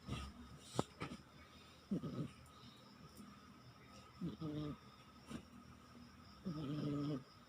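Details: Sleeping cat: soft, rattling low snores recurring every couple of seconds over faint room noise; snoring.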